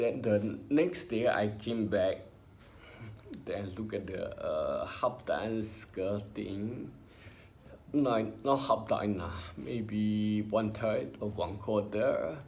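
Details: Adult male with spinocerebellar ataxia diagnosed by a neurologist about 20 years ago after trembling hands and an unsteady walk, affecting talking, who mentions speech therapy: ataxic dysarthria.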